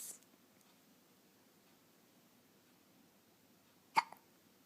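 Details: 2.5-week-old infant with hiccups: a single sharp hiccup breaks an otherwise quiet stretch.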